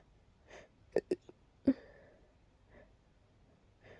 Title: Sneezing fit into hiccups attack